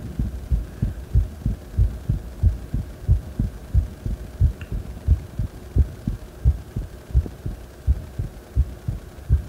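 Strong, steady low heartbeats, about 90 beats a minute, a brisk rate after exertion.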